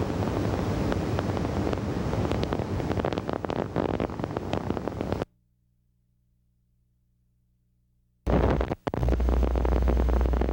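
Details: Needle EMG teaching recording of normal end plate noise, a continuous seashell-like hiss, with end plate spikes, irregular brief crackling spikes like fat sputtering in a frying pan.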